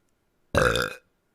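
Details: Female streamer, who says she burps a lot, burping during a stream: a single loud, rumbling burp lasting about half a second, with silence on either side.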